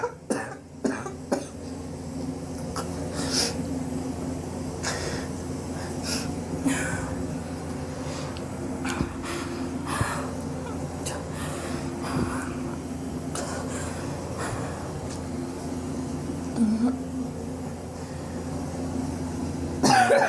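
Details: Repeated harsh coughing bursts and throat clearing in a small room, from someone coughing for weeks and sore from it; chest X-ray pending to check for pneumonia; suspected bronchitis.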